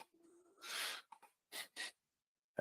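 Faint, breathy snorting noises from a sleeping cat, heard as quiet snoring in a still room.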